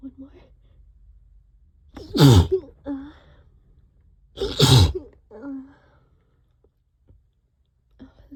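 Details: Allergic sneezing set off by cleaning the trap, in a long fit: two loud wet sneezes a few seconds apart, each a sharp burst, then a short voiced sound.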